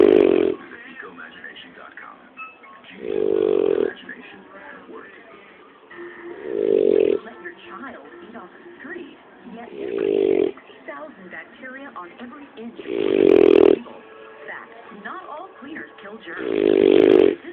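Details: Dog snoring: loud rhythmic snores about every 3.3 seconds, roughly 18 a minute, with soft background sounds between them.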